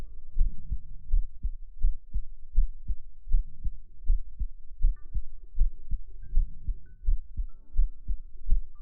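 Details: Heart-sound segment of a sleep ASMR stream: steady, regular, deep, muffled double thumps at about 80 beats a minute with faint background tones; normal heartbeat.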